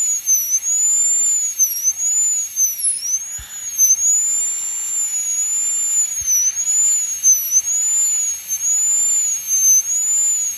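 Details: Dental high-speed handpiece during full metal crown preparation of tooth #46 on a phantom, reducing the axial wall; steady high-pitched whine with the pitch dipping slightly as the bur cuts.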